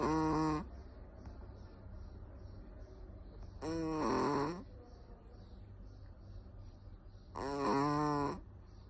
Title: Chihuahua lakas maghilik(snore)